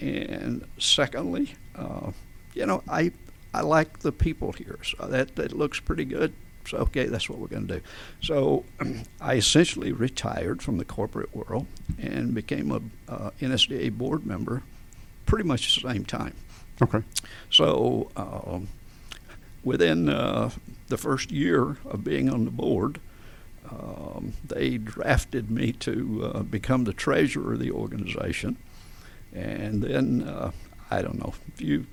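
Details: Adult man with adductor spasmodic dysphonia, a rare neurological voice condition since about 1999-2000, in which laryngeal spasms make the vocal folds slam together, with difficulty on certain words; treated with botulinum toxin injections below the Adam's apple; adductor spasmodic dysphonia.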